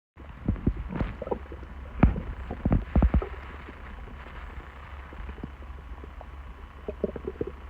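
Low gurgles and bubbling rumbles in short bursts, then quieter trickling sounds; ordinary stomach rumbling.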